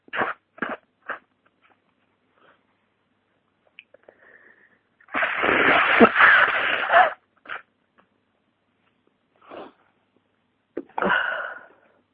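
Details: Short bursts, then a long loud sneezing blast and several smaller sneezes; repeated flu-related sneezing with nasal congestion and a pounding head.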